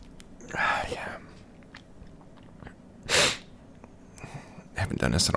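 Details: Deliberately induced sneezing by tickling the nostril with a stiff paper or cardboard tag: one clear explosive sneeze amid sniffs, breathy noises and handling sounds.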